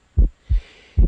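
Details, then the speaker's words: Normal heart sounds (S1 and S2): low lub-dub thumps about 75/min, short pause then a longer one. S1 coincides with the pulse and is loudest at the left ventricular area; S2 is higher, shorter and best heard at the aortic area. "El segundo ruido es de tono algo más agudo que el primero y de duración más breve. Se ausculta mejor en el área aórtica."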